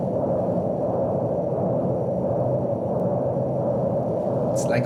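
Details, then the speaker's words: Continuous low whooshing flow murmur over a dialysis arteriovenous fistula about 2 months after creation, with two juxta-anastomotic stenoses and small cephalic vein, low flow under 400; brief voice at end; continuous fistula bruit. "This is what you hear again. Yeah. The flow murmur."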